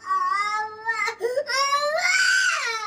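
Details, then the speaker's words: Young boy, a toddler, crying in long, wailing, tonal bursts with brief catches of breath after being scolded; ordinary upset crying. "చూడండి waste చేయొద్దు అనింటే ఎట్లా ఏడుస్తాడో వెంటనే వచ్చేస్తది ఏడుపు expressions మారుతున్నాయి స్లోగా"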